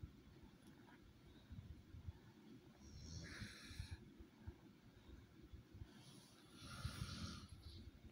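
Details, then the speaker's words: Snoring heard in the background of a home recording with cats: snoring noise. "that noise in the background is david snoring"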